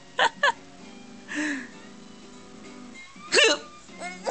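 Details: Hiccups from a mother, with her young child laughing at them.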